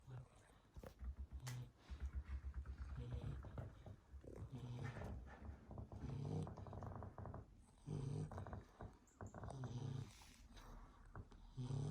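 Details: Sleeping 12-week-old American Staffordshire Terrier puppy snoring: low, rumbling snorts and grunting snores repeating with each breath.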